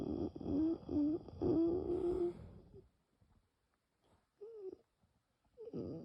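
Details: Wheezing from bronchial spasm during a very severe nocturnal asthma attack without coughing; bronchi later slowly reopen with rescue medication.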